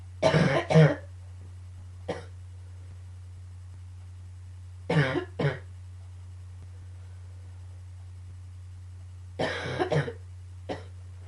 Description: coughing fit and a bit of allergies combines...phew lol